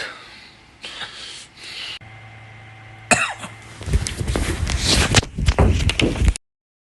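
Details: An adult gives a run of harsh, irregular coughs with some throat-clearing amid background noise.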